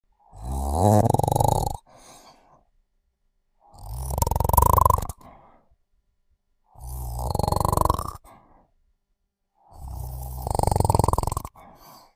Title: Sleeping & Snoring